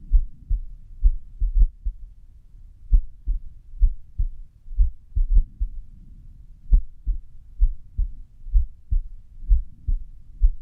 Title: 安静時の不整脈心音 -Resting irregular heartbeat sound-